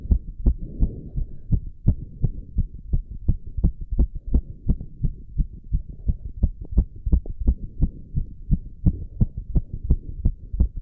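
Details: Male doing squats: very fast heartbeat with heavy breathing, then recovery; exercise-induced sinus tachycardia.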